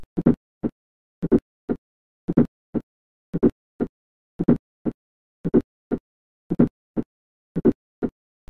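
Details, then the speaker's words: Fourth heart sound (S4 gallop) heard at the apex, a low soft sound about 50–100 ms before the first sound and varying with respiration, as in hypertension and coronary artery disease. "क्षण कि it is gold in hypertension एवं डिस्टैंसेस and coronary artery disease"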